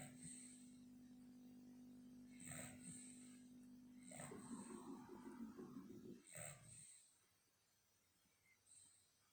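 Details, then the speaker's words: Sleeping dog snoring: a rough, rattling snore lasting a few seconds, with steady electrical hum and a few sharp clicks in the room. "Buster, Buster, Buster. Snoring, you're snoring."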